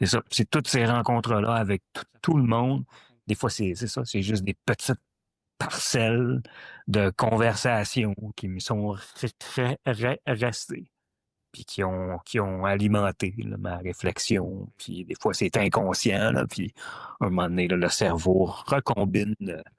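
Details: Stuttering in a French-speaking adult who stutters.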